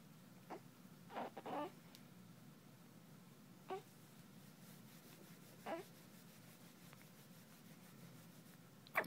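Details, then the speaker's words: Newborn girl on her first day after birth, in hospital, makes soft, brief catching sounds every couple of seconds as hiccups persist, with visible twitching. Newborn hiccups. "Oh no, we still hiccuping. We're getting frustrated with it too."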